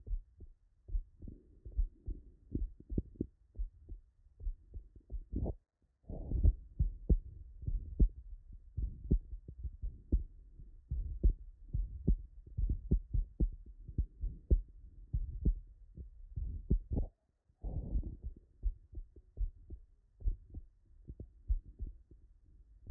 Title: Double Metallic Aortic and Mitral Valve Replacement Auscultation